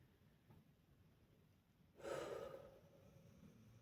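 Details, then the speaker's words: A dog snoring: a single loud, rough snorting breath that rises out of quiet room noise and fades slowly. "as you can hear my dog is snoring very L me as some stuff came up"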